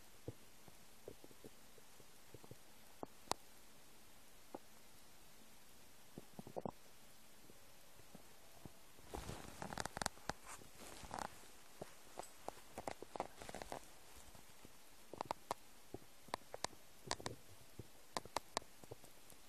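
Quiet gurgles and squelches from an empty stomach, busier in the second half; ordinary bowel sounds.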